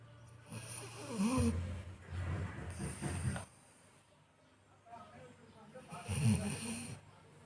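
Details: Sleeping Labrador dog snoring: deep, rumbling snores with fluttering snorts, three noisy breath sounds over about seven seconds.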